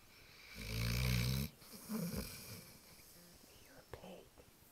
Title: American Bulldog snoring